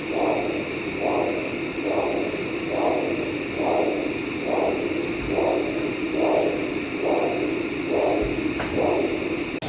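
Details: Lower limb arterial Doppler during a diabetic foot vascular assessment: regular whooshing pulses, about 71 a minute, each a single swish with no second component; monophasic arterial Doppler signal, abnormal.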